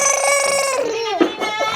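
A short, loud, high-pitched wail from an infant that trails off; an ordinary baby cry.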